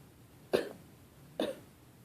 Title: Fake coughing